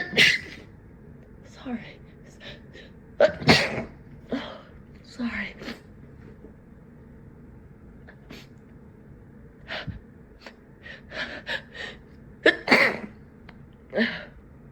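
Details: A run of sneezes, several partly held back, with sharp breaths in between and apologetic talking: repeated bouts of sneezing that won't stop.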